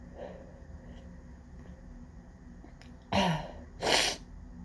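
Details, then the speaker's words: Out-of-control sneezing fit in an office, blamed on windy pollen: two forceful sneezes in quick succession after quiet breathing, part of a prolonged uncontrollable run; sneezer left sweating afterwards. "Okay, that might be done. Just like, oh my God, that was such an intense fit."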